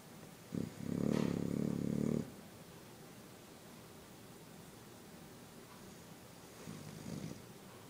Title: Spike the bulldog snoring